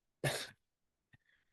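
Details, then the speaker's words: One harsh, dry cough burst from a dog sitting beside his owner, then a faint brief sound; lingering remnant of kennel cough during recovery. "few times kind of got kennel cough but he's getting better it's just the remnant of that cough"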